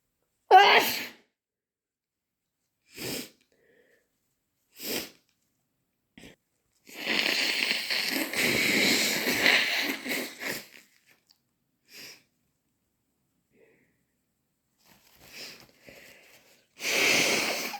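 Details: Repeated forceful sneezes, several with sharp bursts, plus a longer wet nose-blowing stretch between quiet pauses; sneezing.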